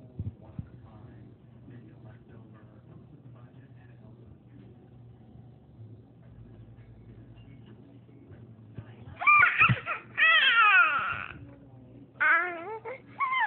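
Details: A baby who was also sneezing noisily: a quiet stretch of faint breathing and room noise, then several short, high-pitched cries and fussing; an ordinary infant cry.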